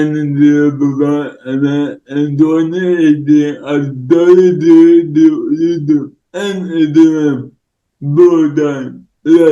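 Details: Male influencer with cerebral palsy, no specific speech disorder named; dysarthric speech in cerebral palsy.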